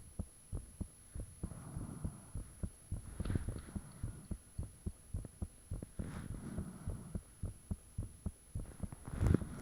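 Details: Own heartbeat recorded with the fan off, shortly after it became unusually thumpy: rapid, regular low thumps with a faint background hum and occasional soft whooshing of blood; heart sounds.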